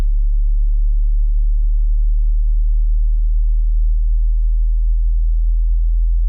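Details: Hearing test frequency sweep: a steady, very low pure tone hum at the bass start, climbing gradually from low to high pitch.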